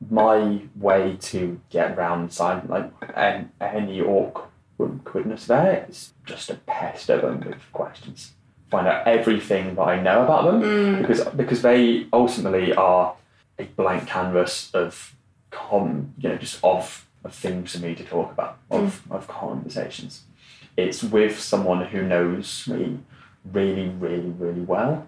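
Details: 26-year-old man who has stammered since childhood, speaking in conversation with word and phrase repetitions; stuttering.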